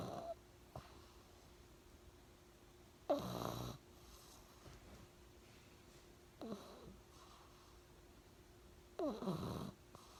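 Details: Pug snoring: loud snorting snores about every three seconds, roughly 20 breaths a minute, with quieter snuffles between; snoring in a flat-faced dog.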